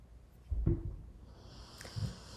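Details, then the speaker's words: Two low, rumbling snorts from a sleeping 16-year-old female Beagle–Basset hound mix, heard faintly against quiet room tone in an office: snoring. "Do you hear that background's noise? That is my dog snoring. Her name is Lily. She is 16 years old."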